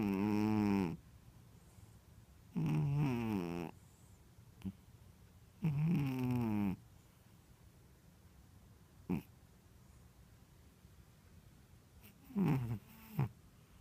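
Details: Snoring in a sleeping Ragdoll cat (female), said to snore when really relaxed: long, low, rumbling snores with a clear buzzing pitch at irregular gaps, plus a few short snorts.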